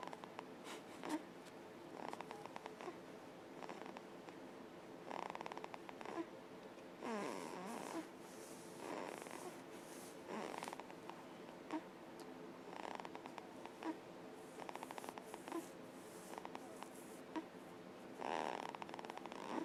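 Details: Infant asleep in her bassinet at 6 a.m., making soft, snuffly snoring sounds with each breath, about 40 breaths a minute; infant snoring.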